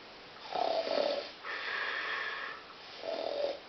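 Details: Acted snoring in a sketch, where one character's loud snoring disturbs another; loud rattling inhalations alternate with a whistling exhalation, imitating rather than real sleep.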